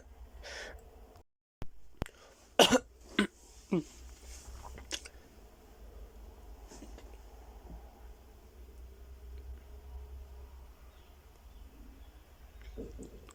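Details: A few sharp, harsh, frenzied cough bursts close together early on, then long quiet stretches with low room hum; cough.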